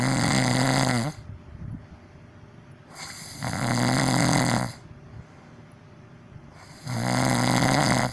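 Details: ASMR recording of deliberately loud snoring, made for video purposes: loud, rattling snores recur about every three seconds with quieter breathing between; snoring.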